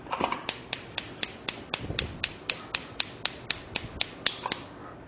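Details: Focused shockwave therapy on a sedated horse's tendon lesion, leg flexed, ultrasound gel applied, set to a thousand shocks: sharp regular clicks about 4 per second (240/min) as the machine fires.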